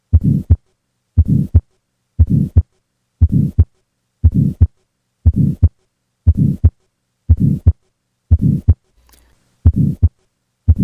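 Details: Heart auscultation: regular heartbeat near 59 a minute, each beat carrying a harsh systolic murmur; tetralogy of Fallot murmur.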